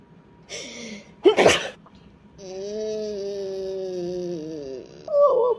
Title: the sneezer